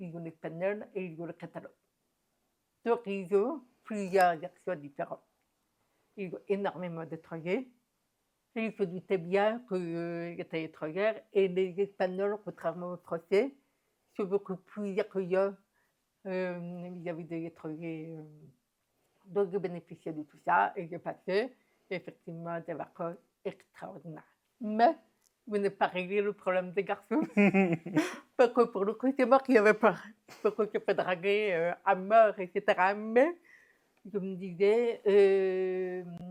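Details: Adult woman, deaf since diagnosis at 9 months, who never heard her own voice and learned to speak through about 20 years of speech therapy, lip-reading and later sign language; deaf speech.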